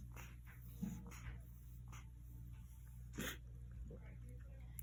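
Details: Coughing.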